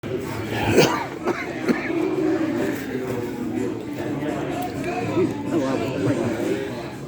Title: sorry about cough 😬another new restaurant 😬